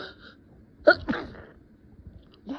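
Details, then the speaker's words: Acted, simulated stifled sneeze while hiding in a dusty basement, muffled into a rag: a sharp muffled burst followed by a breathy trailing release, held back rather than fully expelled. "Oh god, I can't keep holding back. I have to muffle them. Oh, thank you for the rag. Oh, that wasn't too loud, was it?"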